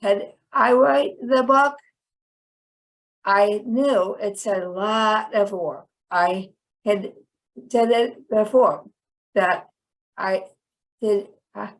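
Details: Chronic post-stroke aphasia in a woman about 10 years after a stroke that initially left her hemiplegic and unable to speak.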